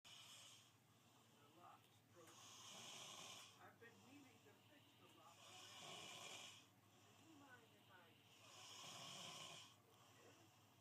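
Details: Heavy snoring; loud, harsh snores with hissing air, repeating regularly about 20 times a minute.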